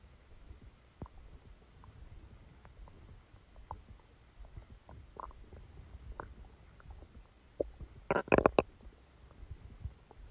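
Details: Stomachache after Christmas dinner, recorded while the person was sleeping: soft irregular gurgles and clicks, then a louder burst of rumbling near the end; active bowel sounds.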